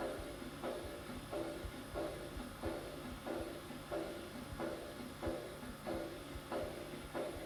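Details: Aortic regurgitation: a high-pitched, blowing, decrescendo early diastolic murmur fading after each second sound, with a regular heartbeat near 92 a minute.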